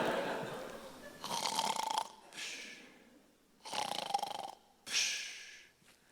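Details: Simulated snoring performed by a comedian in a stage sketch about a man whose wife cannot sleep because of his snoring: several loud rattling snores with quieter breaths between.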